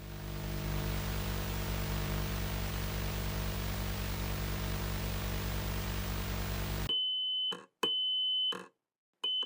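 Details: Simulated tinnitus example: a high-pitched beeping tone, one of ten tinnitus sound types (ringing, buzzing, hissing, white noise, pulsatile) played by an audiologist for listeners to compare with their own tinnitus.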